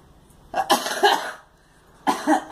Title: Girl coughing